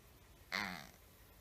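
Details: 6-year-old female cat with a harsh, rattly snort-like stertor from the throat area at the top end of inhaling, for 1 month, mostly at rest or asleep; often mouth breathing; no improvement after 3 weeks of antibiotics.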